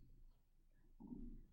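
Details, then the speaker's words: Hungry adult's stomach growling around lunchtime while hand-sewing a face mask: a brief low rumbling gurgle in a quiet room; borborygmi. "it and if you can hear my stomach growling I'm hungry yes lunchtime but you can wait so I apologize were they for growling and grumbling tummy"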